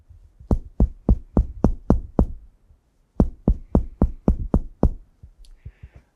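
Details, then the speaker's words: Finger percussion over an intercostal space on a female patient's chest, lung area: two quick series of about seven taps, each a low, hollow, fairly sustained thud, the normal resonant lung percussion note. "nessa área eu tô com o meu dedo colocado sobre o espaço intercostal ainda em área pulmonar Então vamos ouvir novamente o som"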